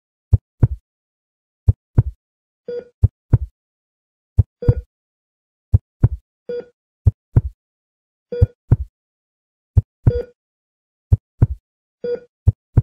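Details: Sound effect of a hospital heart monitor for video editing: paired low heartbeat thumps at about 44 a minute, mixed with short tonal monitor beeps.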